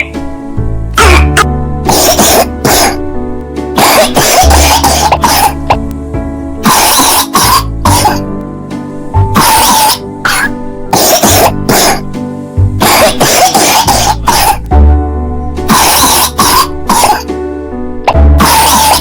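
A child's repeated, harsh coughs in short clusters over background music, fitting a viral flu cough.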